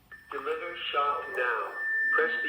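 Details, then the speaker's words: Automated external defibrillator voice prompts to stand clear, "shock advised, charging", over a steady electronic tone as the shock is delivered, then a prompt to begin CPR, in a CPR and AED demonstration with pads on a bare chest. "analyzing heart rhythm do not touch the patient stand clear shock advised charging stay clear of patient make sure that there's nobody touching the patient"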